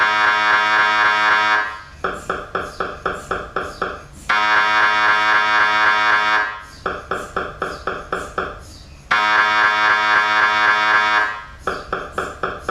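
Loud, steady buzzing tones alternate with rapid rhythmic knocking, about four knocks a second, in a repeating pattern typical of MRI scanner noise.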